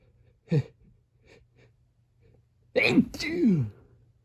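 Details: A short sneeze followed by a louder double sneeze, each with a sharp burst and a falling vocal tail.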